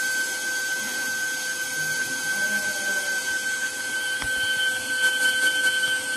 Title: Dental Milling Machine Detail Cutting Video